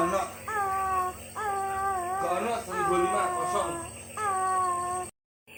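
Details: Toddler with first cough from dust allergy, seen by a doctor, crying in rhythmic bouts and struggling during a nebulizer treatment given by mother, steady nebulizer hum, soft adult voices.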